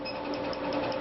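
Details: Steady rapid clicking pulses of a Revlite laser removing a black tattoo after local freezing, over a low room hum: tattoo removal laser firing.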